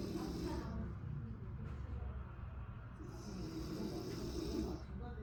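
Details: Old recording of an adult woman (mother) snoring during sleep: two long, low, rough, vibrating rattling breaths with a quiet gap between.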